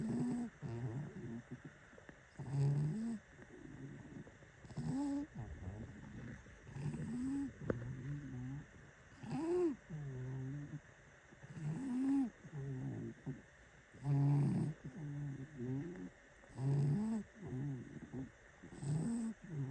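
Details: Sleeping pet cat, a heavy sleeper, snoring: soft, fluttering snores with each breath, about eight breaths in twenty seconds, over a steady background hum.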